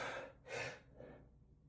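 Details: Sneezing fit in an adult, after about fifteen sneezes: two quick forceful bursts of air through the nose and mouth.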